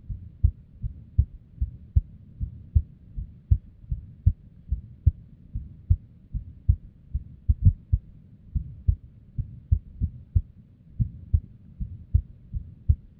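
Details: Female's unstable resting heartbeat with an arrhythmia and abnormal beats: low thumps about 120 a minute, unevenly spaced, some beats stronger than others; an irregular heartbeat.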